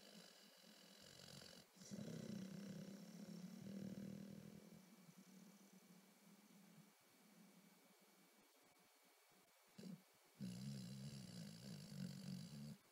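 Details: Snoring in a dog taking a nap: low, rumbling, fluttering snore bursts with quieter breathing between them.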